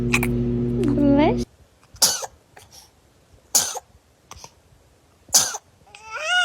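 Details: Baby troubled by sneezing: three sharp, explosive bursts about two seconds apart, with brief music at the start; sneezing.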